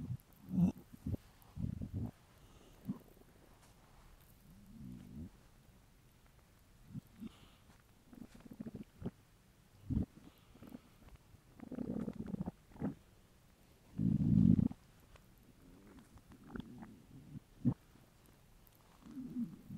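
Irregular low gurgles and rumbles, some long and rolling, with quiet gaps; hunger bowel sounds, a normal finding.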